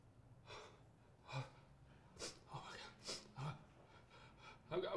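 Series of quick, quiet gasping inhalations, like the build-up before a sneeze, acted for comedy; pre-sneeze gasps.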